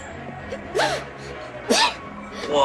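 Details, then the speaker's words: Woman sneezing in a film scene, staged not real: two sharp, high-pitched sneezes about a second apart, over faint room noise and background music. "Tonic. That's 2 sneezes. 5 more, jackpot."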